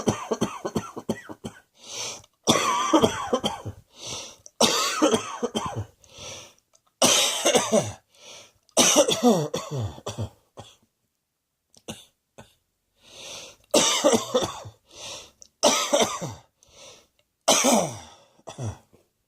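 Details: Bouts of repeated harsh coughing with brief pauses between them over about 19 seconds; a plain cough.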